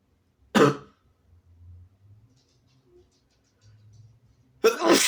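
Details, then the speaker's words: Two short, harsh bursts of coughing and throat clearing separated by quiet breathing, from a sick person with a cold and a tickly throat, recorded while inducing sneezes. "I'm sorry about the coughing if you don't like it, but I have to. It tickles so bad."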